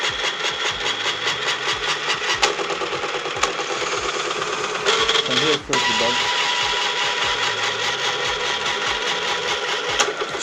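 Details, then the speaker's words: Open-source low-cost prototype ventilator with one stepper-motor plunger alternately compressing two Ambu bag-valve masks, rest time about four seconds: continuous motor whine with steady rhythmic mechanical knocks; automated bag-valve ventilation. "now it's working so it will keep repeating itself front and back front and back front and back it is pressing that bag (air from the Ambu bag)"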